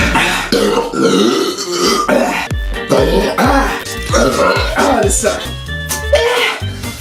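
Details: Boy deliberately burping after chugging large amounts in a challenge: several loud, drawn-out, deep rumbling belches over background music; deliberate burping.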